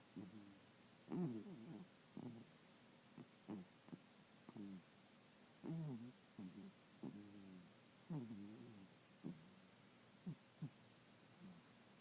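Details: Soft, irregular throaty snores and squeaky breathing noises from a sleeping animal in a quiet room; snoring.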